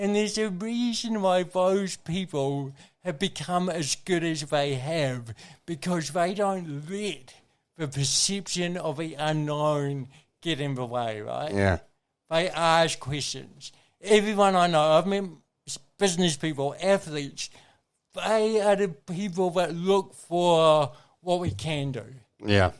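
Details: Adult man with congenital cerebral palsy, a brain injury from oxygen loss during birth, with thinking intact; real dysarthria (cerebral palsy).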